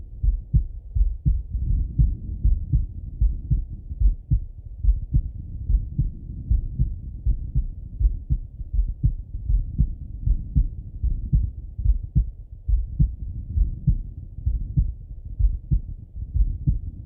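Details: Male heart auscultated with a stethoscope, recorded either sitting at a desk or lying in bed: steady, deep, muffled heartbeats at about 78 a minute; normal heart sounds.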